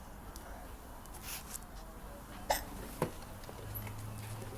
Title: hiccups of destruction